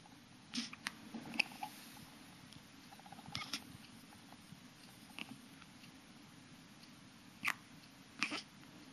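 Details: A small pet hiccupping: brief sharp clicking hiccups, about seven bursts at irregular intervals in a quiet room.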